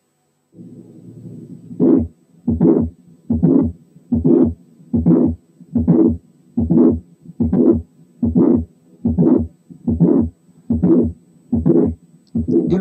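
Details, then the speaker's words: Mitral valve prolapse, heard alone: regular heart sounds about 73/min with a late systolic murmur. "كمان نسمع تاني الليت سيستوليك مامر في حالة تانية لوحدها."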